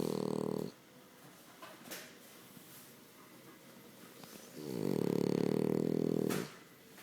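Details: French bulldog asleep gives two loud, buzzy, rattling inhaled snores with quiet breathing between, in a small indoor room; snoring.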